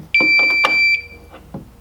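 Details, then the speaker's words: Steady high electronic alert tone with short clicks from a real Philips OnSite AED switched into training mode by swapping in a training cartridge, during a trainer demonstration. "let me show you how you can also turn a real AED into training mode as well then you can also take the real ADT and turning it into training mode all you need to do is pop the real cartridge out"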